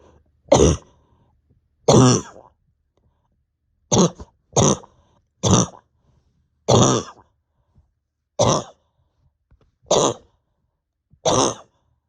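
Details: Nine harsh, dry-sounding coughs, single or paired, with quiet pauses, with pain deep in chest and stomach; over 32 hours without sleep, bronchodilator not helping, exhausted; repeated cough.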